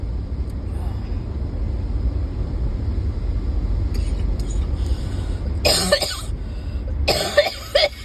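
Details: Ongoing bad cough recorded in a vehicle: two harsh coughs with a throat-clearing sound over steady rumble; persistent cough.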